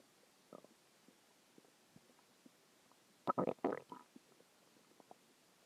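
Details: Stomach growling a few hours after a huge meal (cheeseburger, fries, three eggs, onion rings, cheese stick, chicken tenders): quiet scattered gurgles with a louder rumbling burst midway, normal borborygmi.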